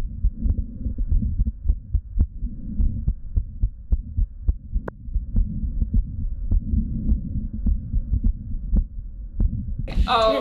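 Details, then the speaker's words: Heart murmur in a female patient diagnosed with diastolic dysfunction, auscultated over the aortic and pulmonic valves using bell and diaphragm together for high- and low-frequency sounds, at rest. "now you've heard both the aortic and the pulmonic valves let me know what you think I think it sounds really fascinating"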